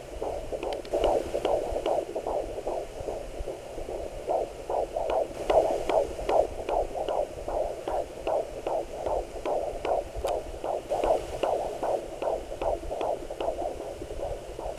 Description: Baby's heart beat on a Doppler Monitor at 15 Weeks.